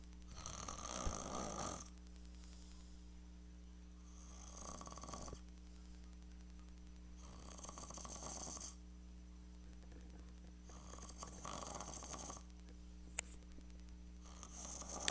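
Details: Repeated harsh snores with breathy out-breaths, about 16 breaths a minute, over a steady low hum of room noise; snoring.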